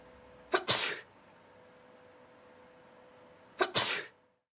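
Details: Two sharp human sneezes, each a quick intake then a forceful burst, over a steady hum, recorded in a lab experiment tracking expelled droplets with laser beams and a high-sensitivity camera.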